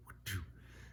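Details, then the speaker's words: Vocal imitation of a soft heart murmur in small-breed dogs with myxomatous mitral valve disease: a single soft, breathy whoosh quieter than the normal heart sounds, contrasted with medium and loud murmurs. "if you have a soft murmur um that's uh you know the the sounds are quieter than the normal heart sounds"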